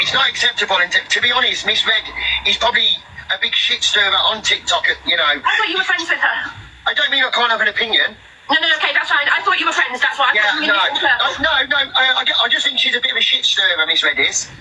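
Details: Real stuttering (stammer) in a male streamer who says it comes and goes and worsens with stress; he affirms that the stutter in this moment was genuine, not faked.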